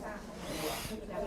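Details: Mouthpiece ventilation, taught with the nose blocked and lips sealed around the mouthpiece like a pipe: steady rushing airflow of a delivered breath, faint voices nearby.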